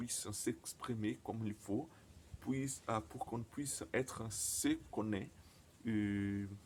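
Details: Stuttering in a man speaking French, who reports his stutter often involves silent blocks.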